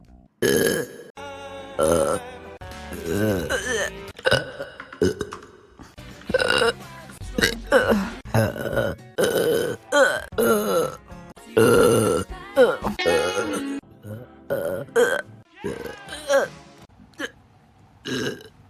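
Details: Compilation of a woman's burps from her live streams: loud, drawn-out, rumbling voiced belches with music behind; repeated burping.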